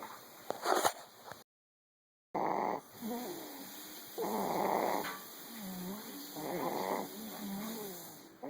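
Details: A person snoring.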